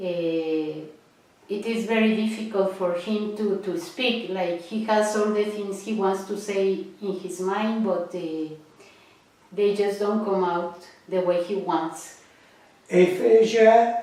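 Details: Adult woman speaking; no speech disorder.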